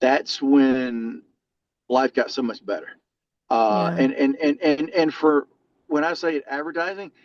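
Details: Adult male lifetime stutterer whose stutter varies and was more severe in childhood; stuttering.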